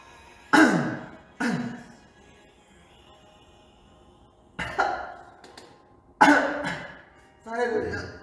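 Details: Several sharp, explosive coughs in short bursts with pauses from a K-pop singer of Omega X; ordinary cough.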